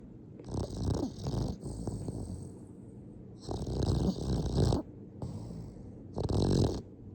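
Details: Boston terrier sleeping, dreaming with eyes wide open: three loud, rough, rattling snores with quieter breathing between them; snoring.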